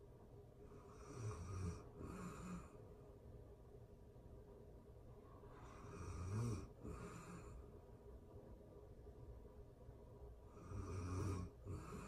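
Low, rumbling snores on each breath, about 12 breaths a minute, in a quiet room; typical sleep snoring.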